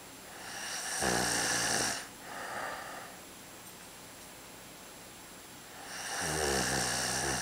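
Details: Adult man deliberately demonstrating loud snoring; snoring.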